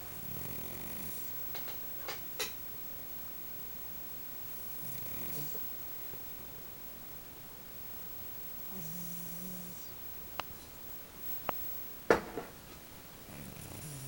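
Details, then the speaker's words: Soft, low, rhythmic human-like snoring from a large, exhausted sleeping cat, several breaths in sequence with a few clicks and room noise. "I can't believe it. He snores like a human."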